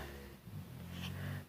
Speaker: the snoring which I'm sure you can hear and my dogs it's nighttime and now it's in fact after midnight and they're all sleeping